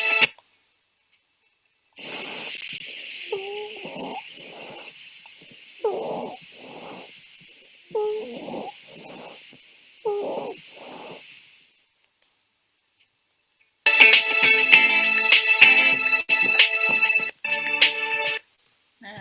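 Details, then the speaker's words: Teaching example of wheezing, typical of asthma patients: brief musical whistling tones on expiration over a steady hiss. "Wizing itu biasanya pada pasien asma ya, pneemoni itu ada suara seperti orang bersiul gitu. Siulan saat dia mengeluarkan nafas atau respirasi."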